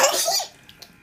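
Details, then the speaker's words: A single short, explosive, hissy burst that fades quickly, a sneeze, followed by someone playfully asking "You gonna sneeze?" "You gonna sneeze? I'm gonna sneeze?"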